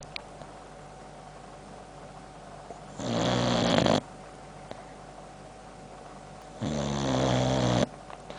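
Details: Boxer dog Sam asleep, filmed close up, with heavy jowls and chop-clicking: two long, loud, rattling snores a few seconds apart, with quiet breathing between them. Snoring.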